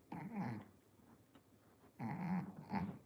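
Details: Stertorous breathing from a brachycephalic airway.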